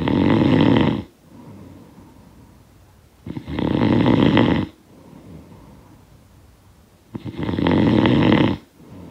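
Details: Snoring sound effect of a sleeper: three loud, coarse, rattling snores, about 16 a minute, with quiet breathing between; heavy snoring.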